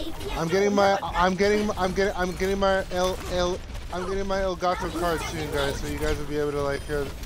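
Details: Male streamer with his own real stutter, with repeated phrases over background game audio; stuttering.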